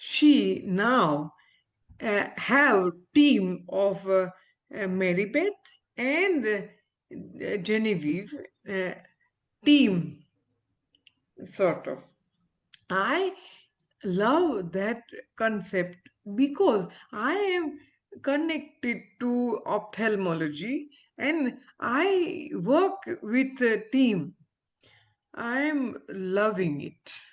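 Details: Adult woman, former ophthalmologist, with aphasia after a stroke; she could not speak early on and is still recovering speech; real patient; aphasia.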